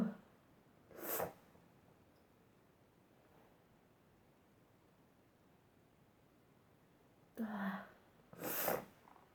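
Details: Three sharp explosive sneezes into a Kleenex tissue in a quiet room, one early and two close together near the end; sneeze.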